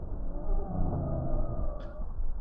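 Musical, whistling tones drawn out over the breath sounds, typical of wheezes from narrowed airways.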